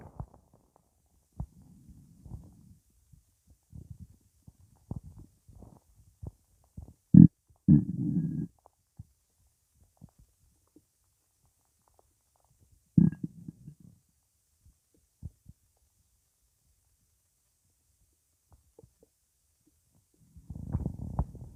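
Scattered low gurgles and a few longer rumbling bursts between quiet gaps, ordinary stomach rumbling from gas moving in the bowel.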